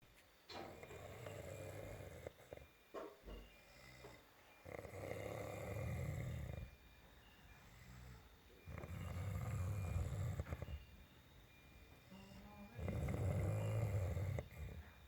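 Loud, low rattling snores on each breath in, about four over fifteen seconds, with quiet breathing out between them; snoring.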